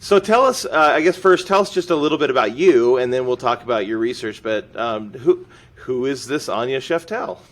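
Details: Adult man speaking; normal conversational speech.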